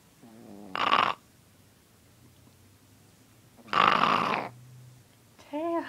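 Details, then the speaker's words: Animal described as a loud snorer, snoring in sleep: two harsh, rattling snorts about three seconds apart, with soft breathing between. "snoring. You're snoring. What are you doing? You were snoring."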